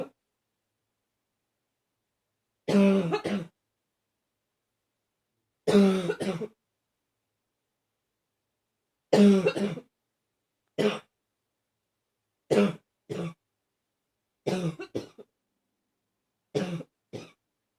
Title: #40 Coughing... mostly barking